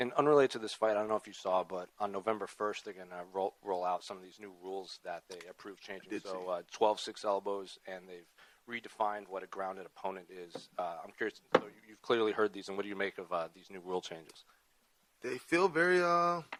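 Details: Adult male speaker; no speech disorder.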